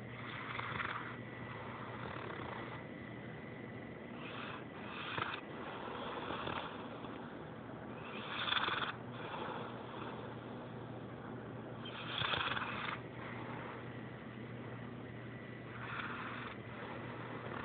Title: Saint Bernard puppy snoring